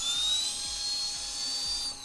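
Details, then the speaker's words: Dental handpiece run for a couple of seconds after being sprayed with lubricant during the morning setup in a dental sterilization area; a high-pitched, steady whine. "let it run for a couple of seconds and I like to just respray it again"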